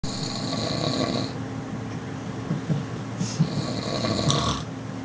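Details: Snoring from a passenger asleep on a Southeastern railway train between Lewisham and Dartford: low rattling snores against steady train rumble and hiss.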